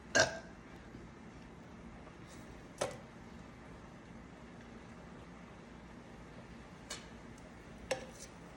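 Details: Woman burping on command for a talent agency audition request: four short, abrupt belch-like bursts spaced irregularly over quiet room noise; deliberate burping.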